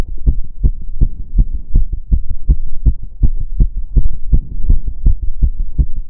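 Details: Own heart sounds recorded during step-up exercise (stair stepping): rapid, steady low thumping heartbeat, quickened by physical exertion; fast heart sounds during exercise.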